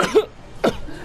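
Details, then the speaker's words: Acute coughing fit after inhaling soda or air while drinking during a gaming session: two sharp, harsh cough bursts about half a second apart, followed by apologies and laughter. "two one we had it we had it see had a cough oh gosh I'm sorry oh my God soda too much oh my gosh I like inhaled air and I died"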